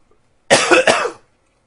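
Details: A single burst of about three quick, harsh coughs run together, loud and clear in a quiet room, recorded in spring; cough.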